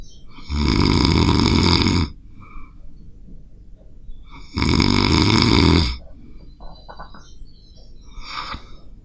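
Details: Two loud, rough, rattling snores on inhalation, each about a second and a half, separated by quiet pauses: an adult recording themselves sleeping on a Zoom H5 recorder, heavy snoring.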